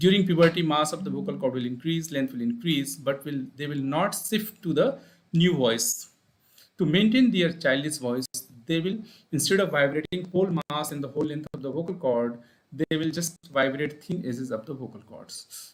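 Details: Adult male speaker; normal speech.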